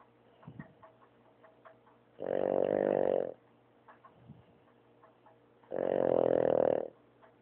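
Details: Dog snoring during sleep: loud, rattling snores lasting about a second each, roughly every three and a half seconds, with quiet breathing and faint clicks between.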